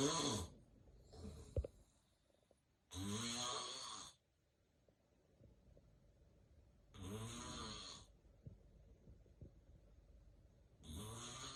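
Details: Real, unplanned, self-recorded daytime nap of a person prone to extreme daytime sleepiness: loud snoring breaths and heavy breathing separated by long silent gaps of several seconds; snoring with apnea-like breathing pauses.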